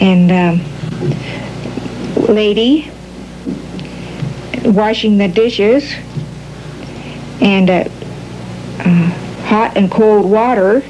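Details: Patient with classic Broca's aphasia giving a halting, telegraphic, non-fluent picture description; Broca's aphasia.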